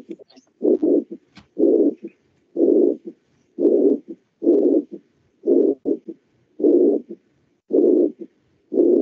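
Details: Regular heart cycles near 60 a minute, each with a long blowing systolic murmur followed by a brief extra sound, presented in a Spanish-language cardiology lecture; mitral regurgitation murmur.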